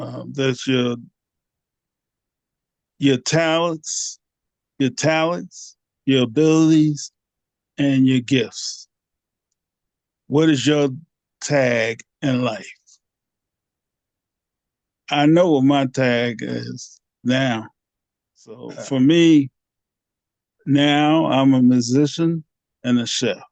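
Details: Aphasia in a 67-year-old man, 9 years after two strokes (January 2015 and March 2016), unable to talk on waking after the first stroke, treated with speech therapy.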